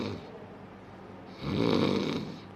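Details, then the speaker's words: Snoring, a single loud, rough snore rising from quiet breathing, from air forced through an airway narrowed when lying supine as the tongue falls back and jaw drops, linked to fat gain and obstructive sleep apnea. "ये आवाज़ एक बंद inlet से जब कस के सांस निकलना चाहती है तो उसकी वजह से आवाज़ आती है। इसे कहते हैं ऑब्स्ट्रक्शन, मतलब रुकावट।"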